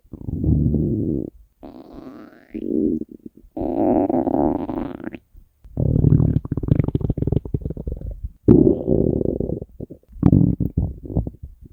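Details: Hunger stomach growling (borborygmi), compiled from three years of recordings of the uploader's own stomach: loud, long gurgling and rumbling growls in several bursts, some with squeaky rising tones; a normal sound.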